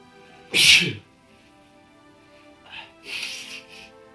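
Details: Woman sneezing: one loud, explosive, hissing sneeze, then softer sneeze-like bursts.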